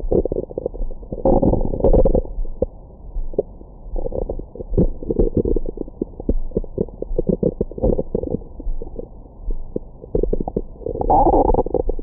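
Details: Bowel sounds after a large meal, recorded over the belly with a Stemoscope stethoscope microphone: frequent gurgling and rumbling abdominal noises with clicks; ordinary active borborygmi.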